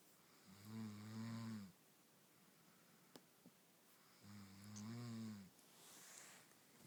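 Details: Two loud, buzzing inspiratory snores about four seconds apart with quiet between them; a person snoring.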